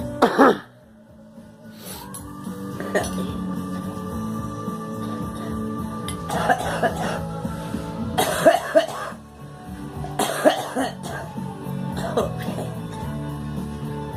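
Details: Several short cough bursts from a girl over background music; cough.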